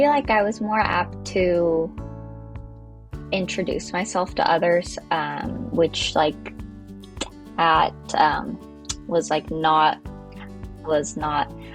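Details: Adult woman with stuttering, self-described, that makes some words, such as her own name, hard for her to say; stuttering.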